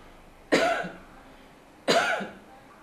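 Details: Woman in Nairobi, Kenya gives two sharp voluntary coughs about 1.5 seconds apart into a laptop microphone, recorded for an AI app trial detecting TB from cough spectrograms; her own TB status not stated.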